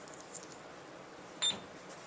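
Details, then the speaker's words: Alaris PC infusion pump with two channels powering on via the system button, with primed normal saline line: a single short high-pitched electronic power-on beep over quiet room noise. "the pump boots up it's going to ask you is this a new patient"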